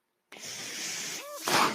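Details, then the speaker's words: Mechanical ventilator noise audible in the background while a man speaks, introducing a podcast. "hello everyone my name is that noise you're hearing is like ventilator and welcome to page-turners"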